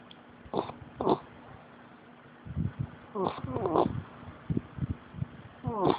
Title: American Bulldog Snoring